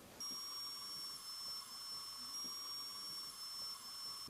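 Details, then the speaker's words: Dental handpiece adjusting a slightly high indirect composite integrated abutment crown on a Bicon short implant in the mouth: steady high-pitched whine with faint intermittent grinding. "so we'll make a little adjustment and the beauty of these indirect composites is the fact that you can adjust them and polish them completely in the mouth"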